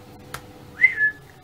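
A short sharp click followed by a brief rising then falling whistle in a quiet room; a whistling vocal tic of Tourette syndrome.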